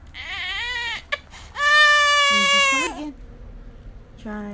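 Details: 8-month-old baby crying: loud sustained wailing in repeated bursts with catches between them, an ordinary infant cry.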